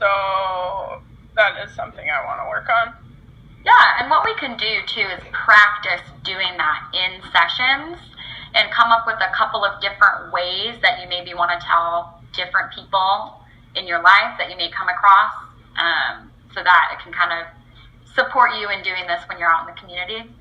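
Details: Adult woman speaking, role-played clinician; fluent speech.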